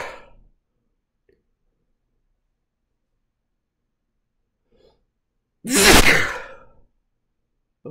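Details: Adult man, sneezing fit induced by sniffing fresh chhinkni: after a quiet pause, one loud, explosive sneeze trailing off in a breathy rush.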